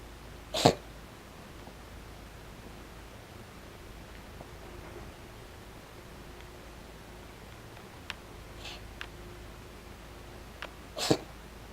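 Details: Cat clearing its throat right after a meal, possibly from overeating: two short, sharp throat-clearing coughs separated by about ten seconds of quiet.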